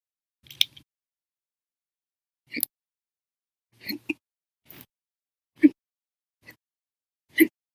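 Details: Audio-only recording of violent, loud and silent hiccups, from an episode lasting 13 hours and 1 minute after breakfast, lunch, and a cup of soda after dinner.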